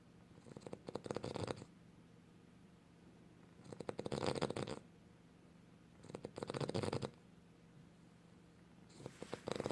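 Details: Steady snoring in sleep: four rhythmic, fluttering snores, each about a second long, at roughly one breath every two and a half seconds.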